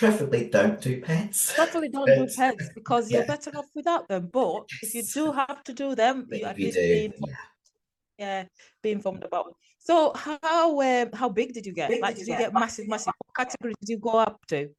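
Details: Adult women in conversation; normal speech.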